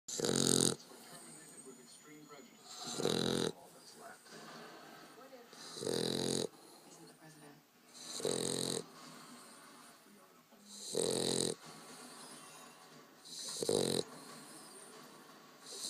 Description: This is how my dog stokely sounds pretty much every single time he sleeps.